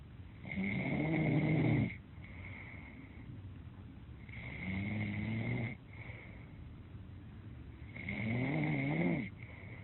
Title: RERUN SNORING MAR 2018